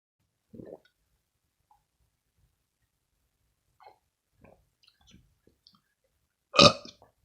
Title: drinking milk & burping